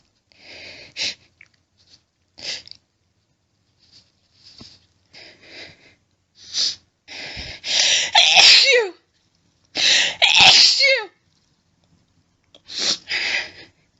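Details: Adult female after many stifled sneezes, nose itchy and burning, sneezing into a washcloth: several loud, wet, explosive sneezes with breathy inhalations between; repeated sneezing.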